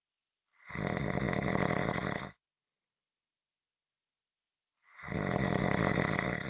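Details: Ordinary snoring recording: two loud, rattling snores on inhalation, separated by a quiet pause of about two and a half seconds.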